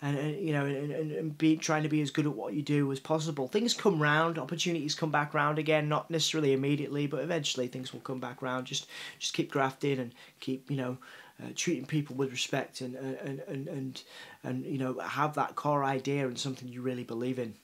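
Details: Adult man, a journalist, with a self-reported stutter and cerebral palsy: stuttering with cerebral palsy speech.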